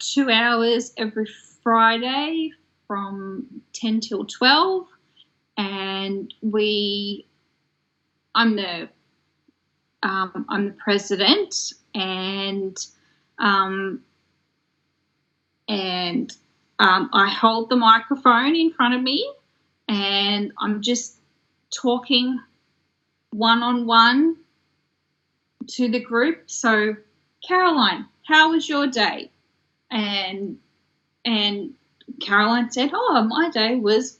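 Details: Adult woman from Australia with aphasia that developed after a stroke in 2016 at age 33: aphasia.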